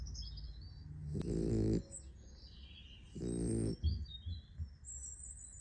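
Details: Sleeping puppy snoring: two low, rattling snores a few seconds apart, with birdsong in the background; snoring.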